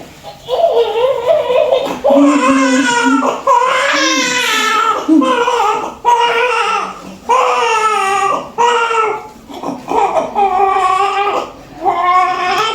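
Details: Post-mature newborn just after normal vaginal delivery: loud, strong, rhythmic crying with clear vigorous wails; a normal healthy newborn cry.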